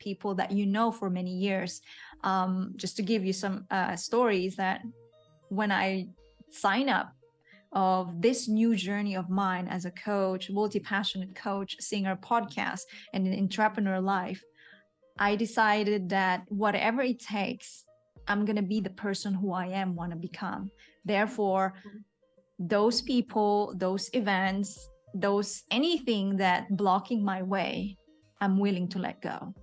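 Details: Adult woman speaking; typical speech.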